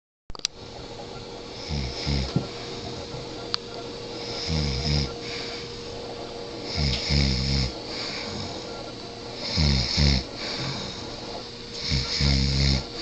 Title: I dont snore